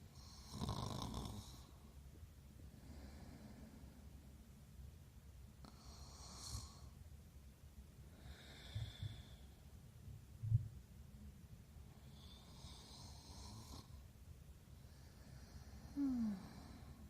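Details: Snoring sound effect: low rumbling snores, about four across the stretch, with quiet breathing between in a still room.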